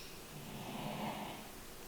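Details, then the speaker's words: A single low, rumbling snore from a sleeping dog, rising and fading over about a second in a quiet room; described as quite loud. "I think we might also I'm sorry if you can hear Lily in the background she is snoring she's snoring"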